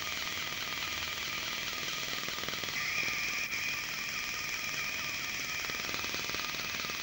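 Rapid, steady high-pitched crackling pulses of a dental laser removing tooth tissue and old filling material.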